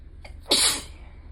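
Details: Single sneeze, one in a series felt to change and gradually intensify from start to end: a brief inward breath, then one loud, hissing burst of air.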